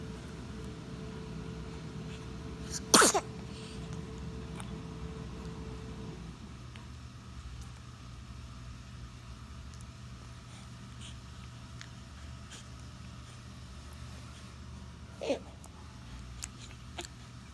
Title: 2 months: sneeze, lip smacking, yawns